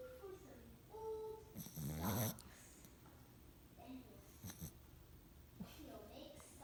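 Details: Two-month-old female dog snoring during sleep: one loud, rattling snore, then softer noisy breaths in a quiet room.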